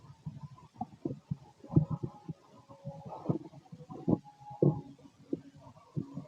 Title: Male stomach noise (6 hrs after eating)